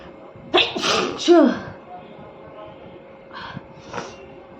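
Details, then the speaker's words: Woman deliberately inducing sneezes by tickling her nose with paper for a sneezing challenge: a voiced sneeze with a quick intake and loud burst, then softer breaths and sniffs; afterwards her nose is red. "तो मैं हमेशा से paper से टीजिंग करती हूं क्योंकि मुझे paper से अच्छे स्नीजिंग होता है तो मैं आज भी पेपर से करूंगी"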